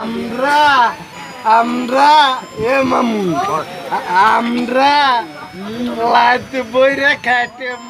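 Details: Man with stuttering, described as not speaking fluently with words sometimes getting stuck; recorded a few years before his death; stuttering.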